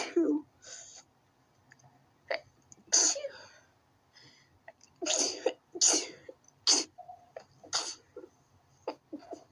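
A run of sharp, explosive bursts in quick succession, with quiet breathing between them: a sneezing fit.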